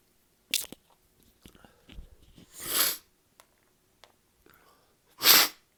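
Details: Sneezing fit after drinking alcohol, which happens for no known reason: three sharp hissing sneezes with quiet sniffs and breaths between; paroxysmal sneezing.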